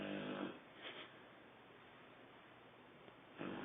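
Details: 4-month-2-week-old: loud rough snoring at the start, a brief softer breath, then another loud snore after a quiet pause; snoring.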